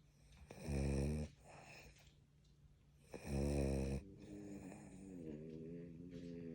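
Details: French Bulldogs snoring while asleep and dreaming: loud, buzzing, vibrating breath sounds with quieter rattling between them, about 22 a minute.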